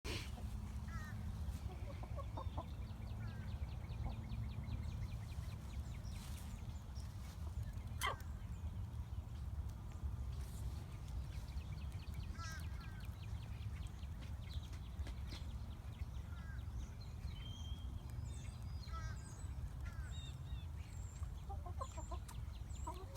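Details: A chicken gives a single sharp, snapping sneeze amid outdoor rumble, birdsong and soft clucking; the owner thinks the chicken has a cold. Sneezing.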